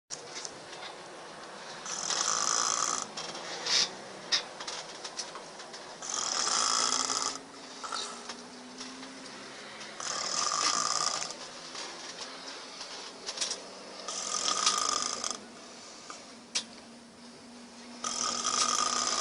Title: [Serbian Ep. 1] | | Jackhammer Snoring